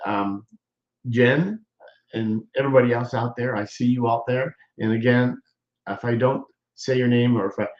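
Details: Adult man who appears to be a stroke survivor, with hesitations and word-finding pauses; he regards doing his show as therapy for his aphasia, and a viewer says he has improved; aphasia.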